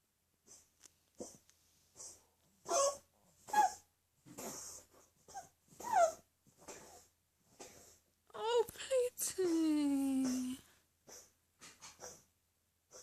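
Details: Cat's coughing episode, cause unknown, occurring about twice daily for a few minutes and worsening, now vomiting more (not just furballs); vet found organs fine on stethoscope exam; run of short raspy hacking bursts with whiny drawn-out vocal sounds.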